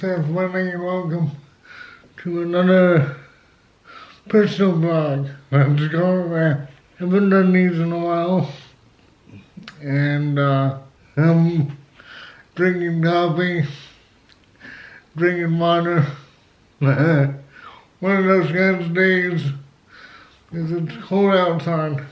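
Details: Dysarthria in an adult male with cerebral palsy, who also has asthma; he had to learn to talk and says he is still not quite there.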